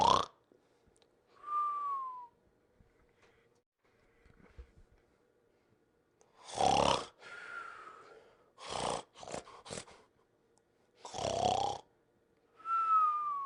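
Cartoon snoring: rough, rattling in-breath snores alternating with high, falling whistles on the out-breath, with quiet pauses between.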